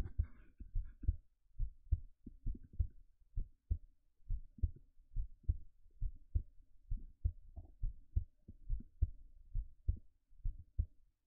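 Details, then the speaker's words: Heartbeat recorded close-up in a quiet room, described as slow: steady, regular paired low thumps. "ゆっくりだ。今日も頑張って生きてる。"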